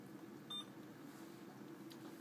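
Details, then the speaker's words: Single short electronic beep in a quiet room as a key is pressed while programming a PCA infusion pump (selecting patient, unit and PCA mode); infusion pump keypad beep. "turn on the infusion pump select whether this patient is New or Old then select the unit you will be working in select the PCA pump"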